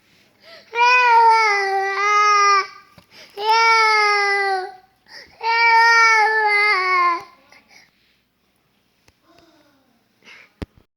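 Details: Infant crying: three long, loud, tonal cries of about two seconds each with brief breaths between.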